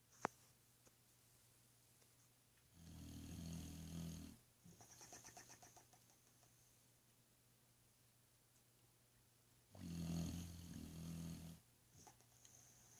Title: Bronx LOL Snoring